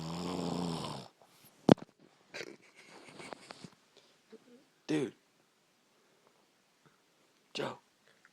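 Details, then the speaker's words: A brother snoring during sleep: a loud snoring snort, then quiet breathing with scattered brief snorts and noises; he denies snoring. "what dude you're snoring no I'm not yeah you are true dude for real you are like for real for real do you want to hear yourself no"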